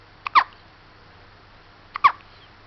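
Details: Hiccups in a 2-week-old baby: two short, abrupt hiccup sounds about 1.7 seconds apart, each with a small catch just before it.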